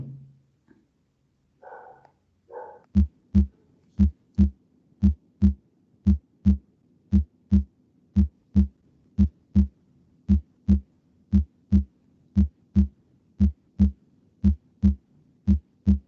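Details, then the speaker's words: Normal heart sounds in a healthy subject, shown as a teaching example: regular paired lub-dub S1 and S2 at about 58/min, clean and crisp with no extra sounds between them. "Entonces ahí tenemos ese sería un sonido cardíaco en sujeto normal, ¿sale? El famoso lub-dub, ¿sale?"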